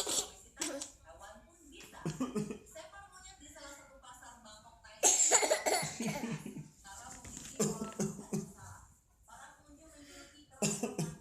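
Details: Infant giving several short coughs amid babbling and voices in a small room; ordinary cough.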